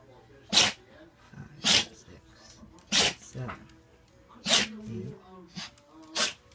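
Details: A dog sneezing: five sharp, hissing sneezes in quick succession with a few soft snorts and whines between them.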